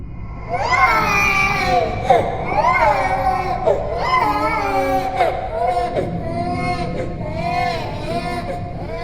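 A wavering, wailing cry in a series of drawn-out bursts over steady background noise. A horror sound effect of a crying baby.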